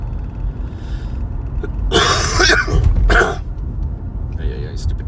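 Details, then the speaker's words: An adult man who says he has been coughing for about a week gives two loud, harsh cough bursts over a steady low room rumble. "coughing. I don't know what the F is wrong with me. I've been coughing for like a week now. It's ridiculously annoying."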